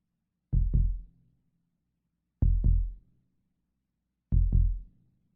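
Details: Stock sound effect of a normal human heartbeat: three evenly spaced, deep, clean lub-dub beats at a slow rate of about 32 beats a minute.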